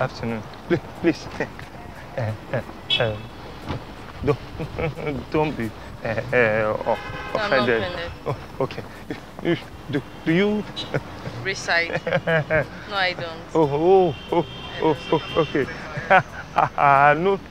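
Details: Stuttering acted by a man playing a stammerer in a street prank; not a genuine disorder.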